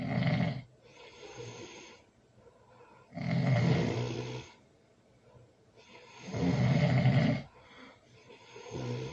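Loud, rough snores on each breath in, about 18 a minute, with quieter breaths out between.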